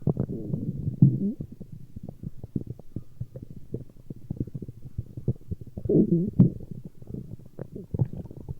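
Continuous low gurgling and bubbling rumbles with louder swells, ordinary stomach growling from gut movement.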